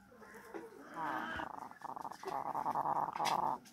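A chicken's repeated buzzy, rattling, snore-like noise with each breath, respiratory rales consistent with coryza.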